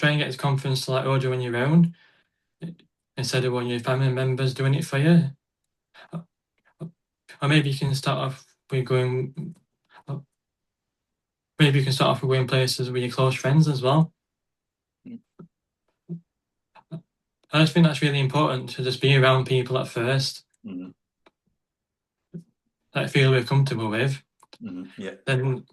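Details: Adult man who stutters, with frequent blocks and long pauses: stuttering.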